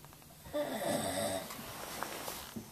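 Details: Recorded with a Flip Video camera in July 2011: one rough, rattling snore on a breath in, fading into quieter breathing in a small room.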